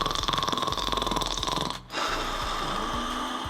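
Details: Sleeping person snoring, with mouth tape promoted as a way to force nose breathing and reduce snoring; snoring.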